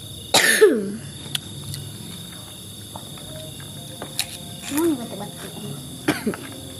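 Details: A single sharp cough from the camera operator during an outdoor dinner, over quiet background with a few faint clicks; cough.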